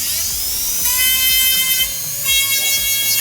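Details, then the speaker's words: A dental handpiece polishes a composite restoration of an abrasion cavity with a Soflex disc, giving a high shrill whine that rises and falls in pitch. "So that must be bad on your ears. And I'd spend more time than that polishing, but that's the overview."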